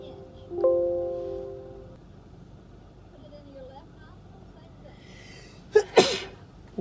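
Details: Girls in a TikTok compilation having a Covid-19 nasal swab test. Music, then two quick sneezes in a row, set off by the nasal swab.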